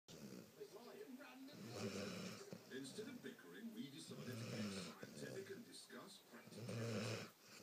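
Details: Sleeping Labrador snoring: repeated rumbling, fluttery snores, roughly 25 a minute and somewhat irregular, in a quiet room.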